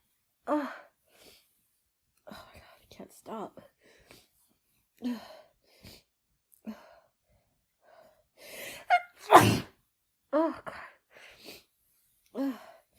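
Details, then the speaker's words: Adult woman with her first head cold of the year, after using chhinkni: gasping inhalations and moans build to one forceful sneeze, with sighs before and after. "Oh my gosh. Oh, they're so strong."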